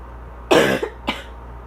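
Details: Adult with asthma gives two dry coughs, a longer harsh burst then a brief second one, cough drier that day; background air-conditioner noise.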